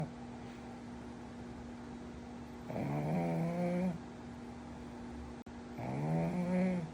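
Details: Two long, rumbling, buzzing snores on the in-breath over a steady background hum: a pug puppy snoring.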